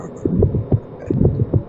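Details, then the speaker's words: Pediatric cardiology teaching example: rough, rising-falling systolic ejection murmur heard at the base, transmitted into the neck vessels, filling the gap after each first heart sound; aortic stenosis. "that murmur typically was transmitted into the neck vessels okay so basically when you hear the murmur at the base going into the neck vessels"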